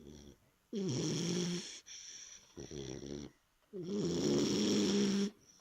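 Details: Three-month-old snoring: loud rumbling, fluttering noises on each breath, three snores with quiet gaps between.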